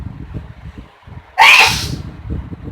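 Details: Adult woman (mother) giving a single loud, explosive sneeze with a hissing spray of air after being given chickpea powder, following quiet breathing.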